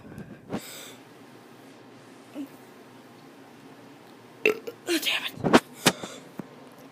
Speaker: i'm gonna be doing some burps oh that was terrible sorry